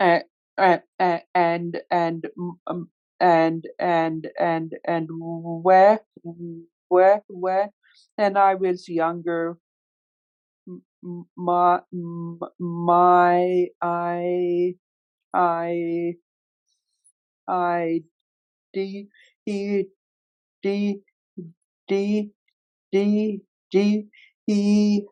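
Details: Real recording of an adult man who stutters, moderating a workplace webinar panel of people who stutter; stuttering.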